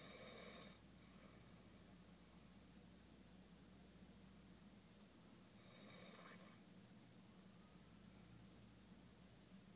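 Low rough rumbling breaths with a hissing inhalation at the start and again midway, over steady room hum; snoring.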